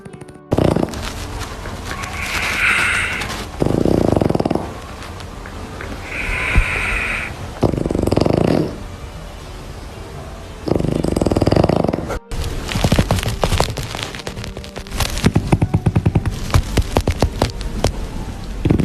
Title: Lazy Pug sleeping and snoring on my legs 😀 - cute dog